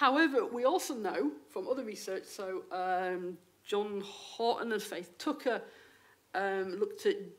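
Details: Stammering in an adult female lecturer who states she has a stammer; real, not acted.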